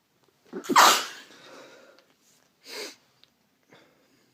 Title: First sneezing video!